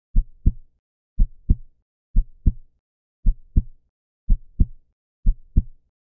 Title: Heart | Heartbeat | Slow | Heart | Cardiology | Beat | Green Screen |